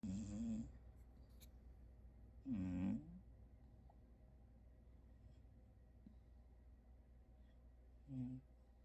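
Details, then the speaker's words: Scottish Fold cat in deep sleep, not waking when called, gives three short, buzzing, low-pitched snores at irregular intervals: snoring. "고양이 고양이 코고는 고양이 어 정신없이 자는 것봐."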